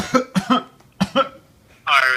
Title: Cough cough